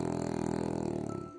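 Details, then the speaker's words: Low, buzzing, fluttering "velvety" snore from Willy, a sedated brachycephalic dog on the operating table before surgery for brachycephalic obstructive airway syndrome. "И послушайте, какой бархатный храп у нашего героя. При этом цель все-таки данный храп устранить."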